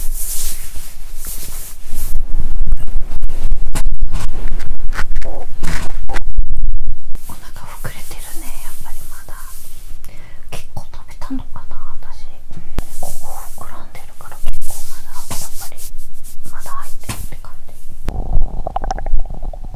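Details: Adult woman's abdomen after a Christmas dinner with wine following a 22-hour fast, through a stethoscope: irregular gurgles and rumbles with rustling and microphone scraping; noisy digestive bowel sounds.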